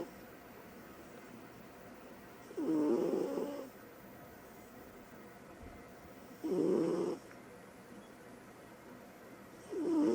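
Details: Sweet snoring female cat that plays hard and sleeps hard: soft, regular snoring while asleep, about three snores in ten seconds over quiet room noise.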